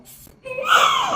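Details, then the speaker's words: Newborn at a hospital, possibly just after vaccination, fusses briefly, then breaks into a rising cry in a small room; an ordinary newborn cry. "ஓஹோ அழுக வருதா? அழுக வருதா?"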